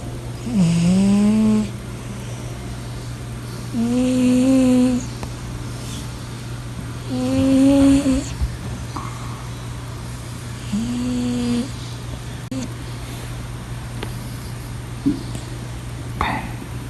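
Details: Sleeping blue British Shorthair cat snoring deeply, purring when disturbed; steady, tuneful, droning snores about every 3.5 seconds over room hum.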